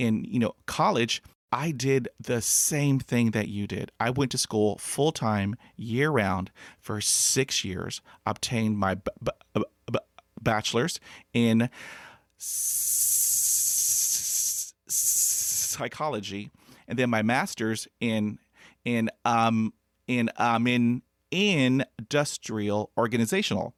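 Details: Adult man who has stuttered since childhood, unable to talk as a child, whose mother also stuttered and who hid his stutter for 35 years; stuttering.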